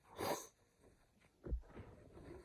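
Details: Rapid allergic sneezing fit, hard to contain: a sharp, airy sneeze burst, then a second snorting sneeze a second later in a quiet room.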